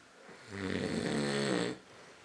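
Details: Snoring from a sleeping man: one loud, buzzing, throaty snore on breathing in, lasting about a second.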